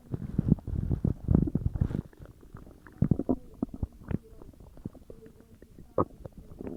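Loud, low rumbling and gurgling with bursts of bubbling from the stomach after a large meal: active digestive bowel sounds.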